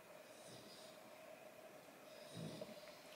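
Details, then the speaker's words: Background snoring from a very tired companion asleep nearby during a spoken recording. "light and again I apologize if you can hear snoring in the background that is thalma she's been out for a Big W I can't say the word cuz she'll wake up um and she's just quite tired so she's having a big old snowfest"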